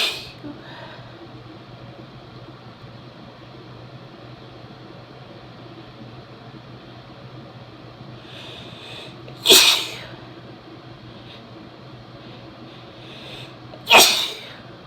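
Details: Two strong, wet sneezes a few seconds apart from a female with a cold, spraying and leaving a messy nose; a faint breath before the first, against quiet room hiss.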